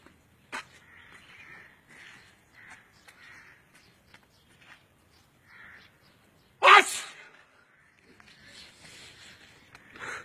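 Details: A man sneezing: quiet background, then one sudden loud explosive sneeze.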